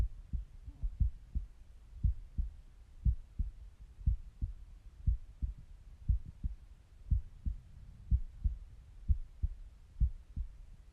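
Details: Resting heartbeat recorded by stethoscope, with stomach noises in the background; normal heart sounds.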